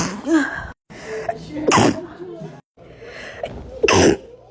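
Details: Two or three muffled, held-back sneezes from a stifled-sneeze compilation, each a sharp choked burst after a quick catch of breath; stifled sneezing.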